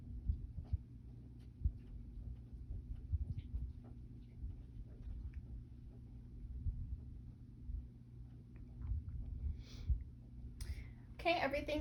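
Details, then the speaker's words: Abdominal auscultation during a GI/GU assessment: low rumbling with scattered soft gurgles and clicks through a stethoscope, ending in chestpiece scraping on clothing; normal bowel sounds, nothing unusual. "okay sounds good there um again i don't hear anything um unusual everything sounds good"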